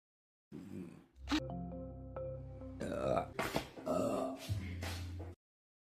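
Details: Woman burping: low, drawn-out belching sounds, several in a row, over background music.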